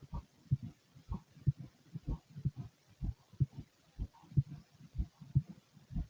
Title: Empty stomach noises and heartbeat